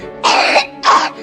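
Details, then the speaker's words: Child's wet cough: two short, loose, rattly, phlegmy coughs clearly carrying sputum, described as possibly pneumonia or bronchitis. "这种声音明显带有痰，可能是肺炎或者是支气管炎。"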